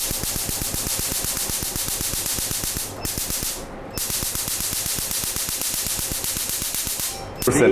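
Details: CO2 laser tattoo removal machine firing during tattoo removal on a man: fast, regular crackling pulses with a brief pause.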